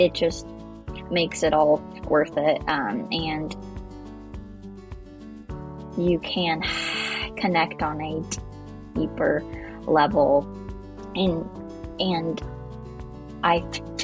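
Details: Adult who stutters, speaking after effective stuttering therapy with a speech-language pathologist; repetitions and filler interjections heard; stuttering.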